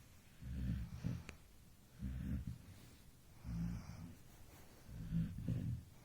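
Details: Infant snoring at 2 a.m. while sleeping relaxed: soft, low rumbling snores in a steady rhythm, about 40 a minute, with quiet breathing between; ordinary baby snoring.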